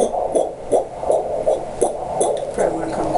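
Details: Fetal heartbeat on a Doppler monitor at a hospital pregnancy checkup around 20–22 weeks: rapid, regular whooshing beats at about 160 a minute over steady hiss.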